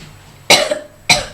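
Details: Two loud, harsh coughs about half a second apart against faint room noise, from someone who says they have been coughing all day.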